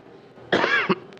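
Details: Judge coughing while reading a verdict in court: a single short, dry cough with a brief throat-clearing catch.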